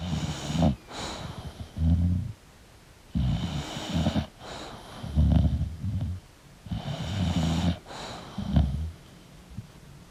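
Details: Sleeping English Bulldog snoring: low, rattling snores with snorting on breaths in and out, about 18 breaths a minute, somewhat uneven.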